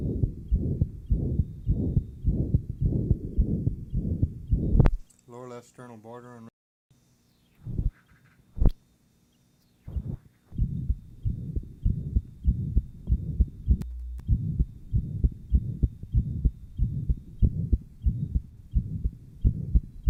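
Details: Heart sounds recorded in 1955 at the Johns Hopkins heart sound laboratory: rapid, regular beats with a loud rushing murmur filling much of each cycle, in tetralogy of Fallot after a Blalock-Taussig shunt.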